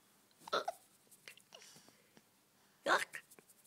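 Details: Hiccups: two sharp, abrupt voiced catches about two seconds apart in a quiet room, with faint breathing between.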